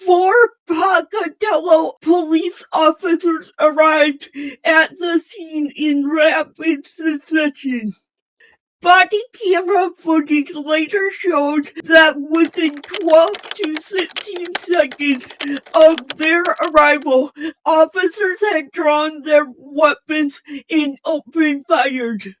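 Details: Female host with a self-stated speech impairment; speech impairment.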